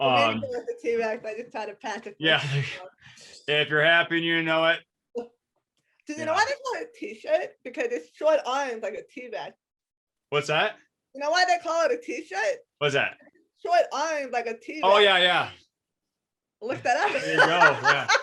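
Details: Adult woman with a lifelong disability and a self-described speech impediment despite a lot of speech therapy; some people have told her she sounds hearing impaired; speech impediment.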